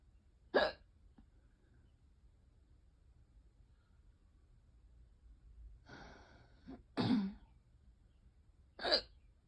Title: some hiccups after eating too fast (some coughing)